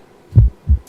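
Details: Normal heart sounds using the stethoscope bell during a clinical skills demonstration: one clear lub-dub cycle with no murmur between the sounds.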